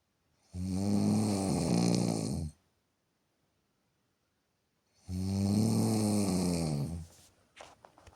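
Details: Snoring from a sleeping beloved female partner: loud, rattling snores on each breath in, about 15 breaths a minute, with silent pauses between.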